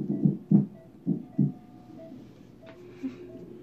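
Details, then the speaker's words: Fetal monitor on a pregnant mother at hospital checking for possible labor: low muffled thumps and swishing as the baby girl moves and kicks, making her heartbeat hard to pick up. "they're trying to get the baby's heartbeat but she's moving like crazy imagine that she's my kid and she's an ass like if you can't hear it closer but all that swishing sounds is the baby moving that's her kicking"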